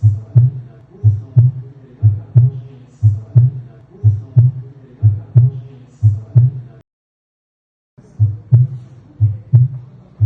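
Regular paired low thumps at about 60 beats a minute, with clear first and second sounds and no murmur. Normal heart sounds.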